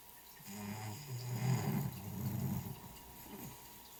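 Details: Loud snoring from a sleeping cat, apparently dreaming: low, rumbling, rattly breathing rising and falling over a few seconds.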